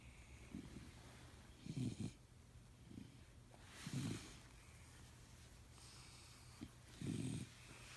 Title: Kennel cough?